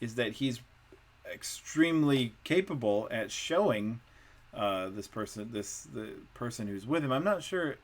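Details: Adult man with Wernicke's (fluent) aphasia, with impaired comprehension and repetition and little awareness of his deficits; Wernicke's aphasia.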